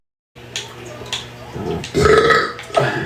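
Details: A long, loud, rumbling belch lasting a few seconds, with some voiced sound mixed in, from an adult man during a livestream; an ordinary burp.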